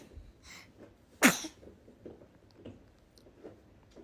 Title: Newborn sneezing 🤧🥰